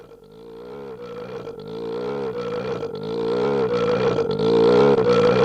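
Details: 1964 recording of a laryngectomy patient using esophageal voice, with the basic sound formed by constriction of the cricopharyngeus muscle; esophageal voice.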